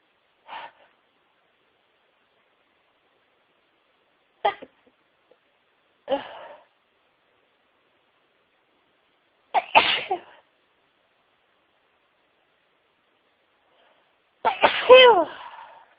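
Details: Several sneezes, some stifled and some full, spaced by quiet pauses with a louder final sneeze, part of a huge sneezing fit of over 60 sneezes with a wet nose.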